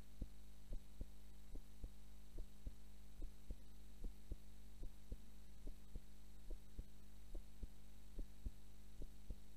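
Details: Normal heart sounds recorded for a 3rd anniversary from someone who suddenly fell asleep during the recording: steady paired thumps at about 70 a minute over a constant low electrical hum.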